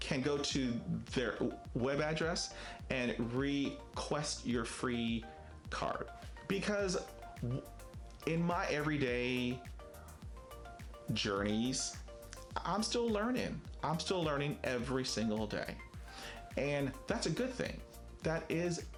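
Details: Stuttering in an adult man who describes himself as a person who stutters, with many prolongations, blocks, facial tics and effortful speech.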